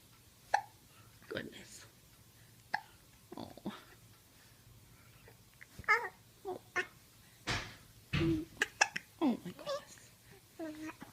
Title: hiccups